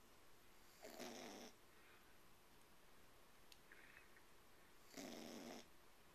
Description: Olivia, the snoring tea cup yorkie. Cute yorkie snoring. The cutest thing you ever saw.